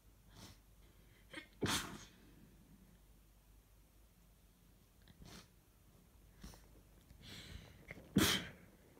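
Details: Two muffled sneezes and several softer sniffs and breaths over low room noise; a morning sneezing fit with itchy nose, unsure whether a cold or allergies.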